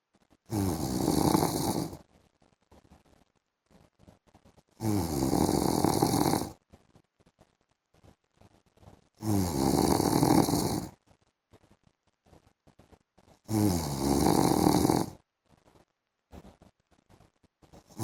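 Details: Adult man napping in the afternoon: four loud, rough snores about every 4 to 5 seconds, roughly 14 a minute, with quiet gaps between; habitual sleep snoring.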